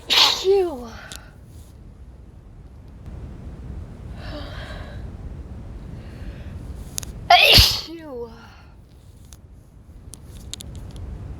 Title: Wet cold sneezes